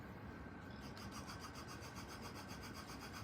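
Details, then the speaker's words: Neonatal transport TXP high-frequency percussive ventilator demonstrated on a test lung during NICU staff training: amplitude turned on to start flow, giving rapid rasping gas pulses at about 220 per minute. "Um, but so the first thing we do is we turn on amplitude. This is ultimately just turning on flow to get this thing to wake up."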